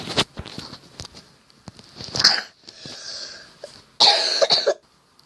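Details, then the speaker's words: A few short, harsh cough bursts with quiet gaps in a small room, from someone who says they have been coughing a lot and cannot stop. "Sorry guys, oh god. I've been coughing loads, literally loads. If you think you've noticed weird pauses in the video, because I've been coughing a lot, okay?"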